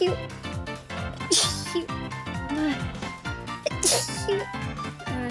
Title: Sneeze Compilation